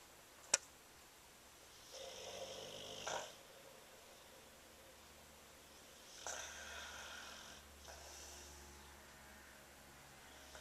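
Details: Snoring during sleep: two long, hissing, rattly breaths a few seconds apart, with a click at the start.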